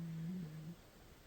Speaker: I'm sorry if you can hear my cat snoring.